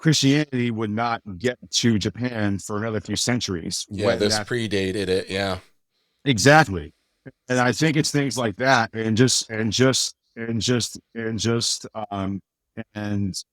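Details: Adult male author with a speech impediment since childhood, much worse then and greatly improved but still slightly audible: speech disfluency (speech impediment).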